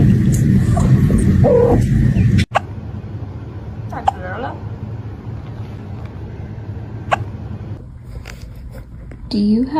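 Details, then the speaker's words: Kitten with hiccups: faint sharp clicks every few seconds over a low room rumble and soft music, with a voice at the end; hiccups. "baby oh hello have you got hiccups"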